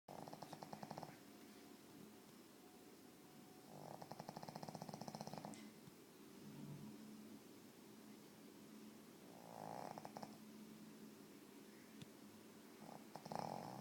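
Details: Pug, a flat-faced dog, snoring: rattling, buzzing snores in bursts a few seconds apart with quieter breathing between.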